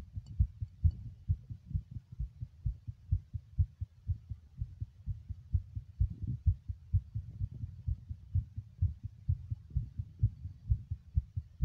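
Regular low thumping heartbeat, fast at roughly 120 to 130 beats a minute, with paired beats.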